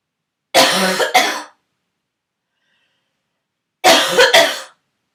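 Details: Barking cough from a sick person, throaty cough turning into barking for the first time.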